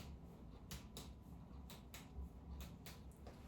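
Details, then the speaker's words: Percussion of the spleen over Traube's space in the left upper abdomen of a young patient born in 2010, during an abdominal exam. Repeated soft, hollow, drum-like taps give normal tympany, with no splenic enlargement. "Okay, a normal tympanic sound is present, which means there is no enlargement of the spleen."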